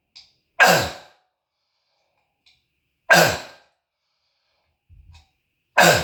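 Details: Barking cough from an adult who reports lifelong bronchitis, throat tickle and phlegm, calling it asthmatic: three loud, harsh, seal-like cough bursts echoing off walls, resembling croup.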